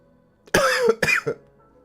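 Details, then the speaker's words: Two quick cough bursts from an adult who calls the cough weird, with faint music in the background: cough. "you hear that cough I got? It's weird."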